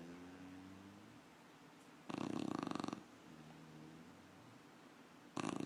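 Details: Sleeping puppy snoring: loud, rough, fluttering snore bursts on the breath in, separated by quieter breathing; snoring.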